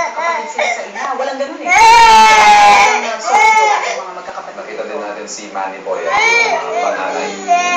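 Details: Infant crying in loud wailing bursts while other voices talk in a small room; Dolphy makes the baby cry.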